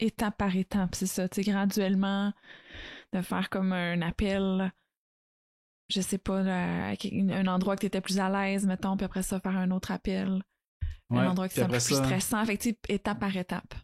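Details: Adult woman speaking French; no speech disorder.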